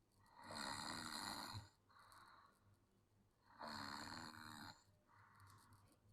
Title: Do not disturb me | Sleepy Kid💤💤 | Snoring Kid🤣😂😃❤️